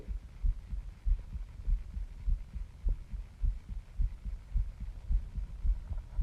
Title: My Heartbeat Sounds I can feel my heart pounding